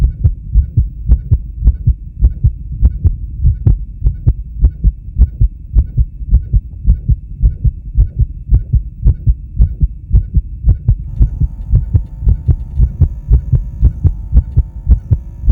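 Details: A male heartbeat recorded during a blood pressure measurement: a steady, regular, low thumping heartbeat with a faint steady tone joining near the end; normal heartbeat.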